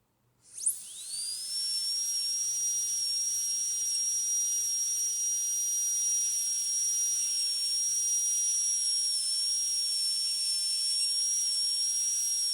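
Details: High-speed dental drill whine with water spray hiss, using a flat tapered burr to cut lingual depth grooves and do lingual axial reduction (1.2–1.5 mm) during metal ceramic posterior crown preparation of tooth 46.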